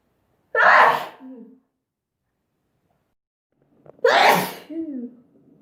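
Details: Two loud sneezes separated by silence, each a sharp burst with a short trailing sound, from a sneezing compilation.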